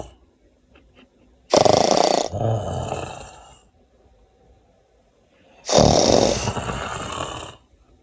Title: THE SNORE #whenyouloveawoman #marriage #funny